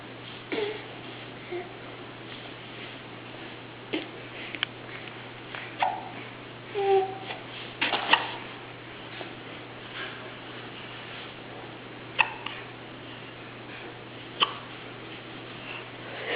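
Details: Soft, brief hiccups every few seconds from a 6-month-old baby, with occasional babbling in a quiet room; hiccups.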